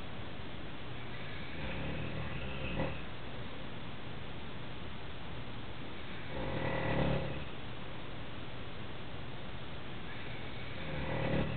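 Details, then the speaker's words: Father snoring very loudly in sleep: low rattling snores over a steady hum of room noise, about three in twelve seconds. "clear evidence that you, my father, snore really loudly."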